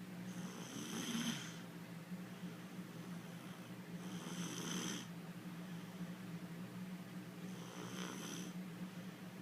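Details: A young girl asleep snores with a soft rattle on each breath, about 17 breaths a minute, over a steady background hum; child snoring.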